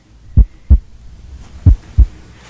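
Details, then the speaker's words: Simulated real-person medical roleplay exam: adult patient with shortness of breath and chest tightness, stethoscope heart auscultation using the bell side; slow, regular, crisp S1 and S2, no S3 or S4, no murmur; normal heart sounds, blood pressure 120/60. "listen with the bell side as well i'm hearing s1 and s2 not hearing s3 and s4"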